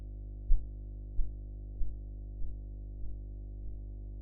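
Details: Korotkoff sounds in a blood pressure practice recording with a sphygmomanometer: six soft regular tapping thumps at about 95 a minute fading over a steady low hum.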